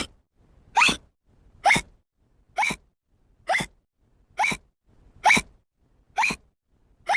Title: Hiccups effects 1995